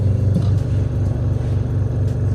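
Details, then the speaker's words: Neonatal oxygen concentrator/CPAP machine demonstrated at a resuscitation workshop, water already in it, receiving oxygen and supplying it; steady low motor hum and rumble without distinct bubbling, normal running sound. "So this machine receives oxygen. It's able to what? To change it, then supply it to"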